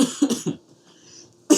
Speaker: Excuse me for the coughing. I hope that this audio quality wasn't terrible.